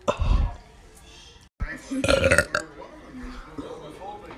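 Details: Girl burping, from a burp compilation: a loud, low, rumbling belch early on, then a second throaty belch, with talk and room noise around it.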